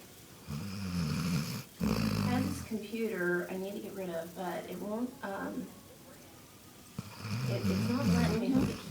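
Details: Dog snoring while asleep: low rattling breath noises in repeated bursts, with brief talk in between.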